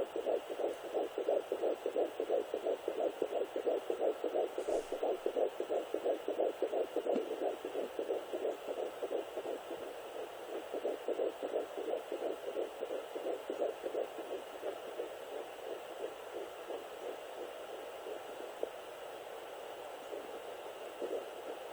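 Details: Rapid, regular whooshing fetal heartbeat, about 176 beats a minute with steady background hum, on a Sonoline B fetal Doppler at 10 weeks 2 days of pregnancy.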